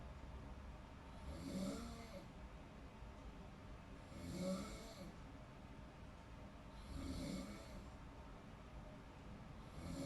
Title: Snoring sounds while in deep sleeping (relate ka ba panuorin at pakinggan mo)